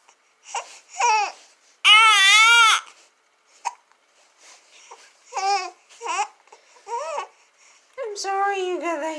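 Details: Short fussy whimpers and cries with brief hiccup-like catches from a 2-month-old baby fussing about having hiccups: infant cry.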